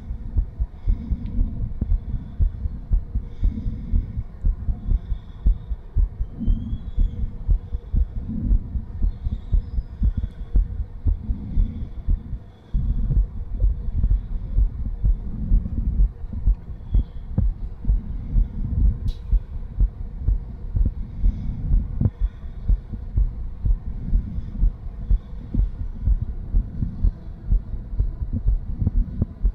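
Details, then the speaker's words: Heart murmur in a patient with diastolic dysfunction, heard after gentle exercise: the murmur is much more noticeable than at rest, rather than distinct "bom bom bom" beats; regurgitant murmur after exertion. "so it sounds it actually sounded quite different because you actually noticed the murmur a lot more so rather than listening to the actual definite Bom Bom Bom you hear a lot more of"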